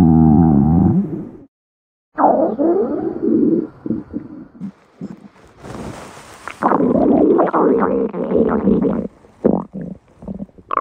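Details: Stomach growling: long, low gurgling and rumbling with bubbly pops and a brief hiss; normal borborygmi.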